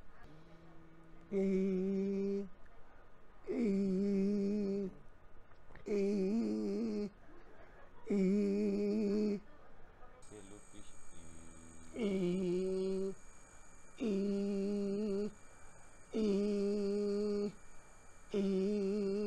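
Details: After injection thyroplasty adding bulk to an idiopathic paralysed left vocal cord (no recovery after 6 months), letting the right cord meet it more easily; near-normal voice after injection thyroplasty for vocal cord paralysis.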